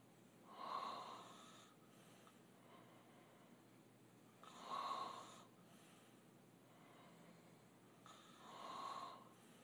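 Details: Three slow, harsh, snorting breaths about four seconds apart, roughly 15 a minute, from a man sleeping; open-mouth snoring.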